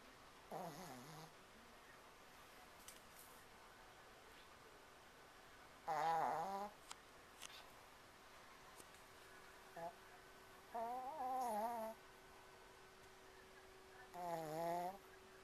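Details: Sleeping dog snoring: irregular tonal, whistly snores, about four in fifteen seconds, with quiet gaps between them.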